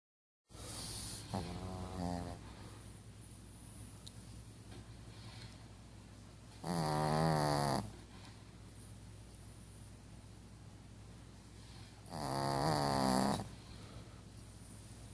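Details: A sleeping dog snoring loudly with rattling snores on the in-breath about every five to six seconds, roughly 11 breaths a minute.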